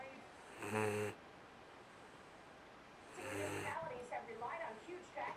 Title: Murphy snoring